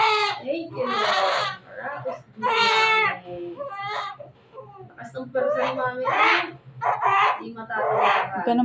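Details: Loud, repeated crying bursts from a newborn just after a normal vaginal delivery of the mother's second baby (mother has an abdominal scar), with adult voices in the room; a normal strong newborn cry.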